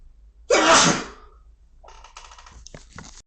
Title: Inducing Sneezes (M)